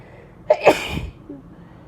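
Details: Induced single sneeze from a woman sick about a week and a half, with nasal blockage and sinus pressure (she suspects a sinus infection): a short sharp intake, then one explosive hissing burst.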